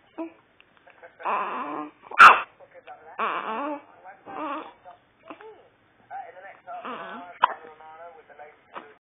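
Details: Two-day-old newborn boy with hiccups: fussing and whimpering, with a sharp sudden hiccup catch near the start and another later.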